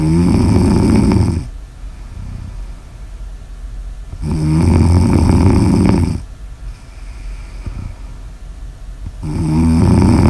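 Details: Snoring ASMR audio recording: loud, low rattling snores on each in-breath about every four to five seconds, with quieter breathing between.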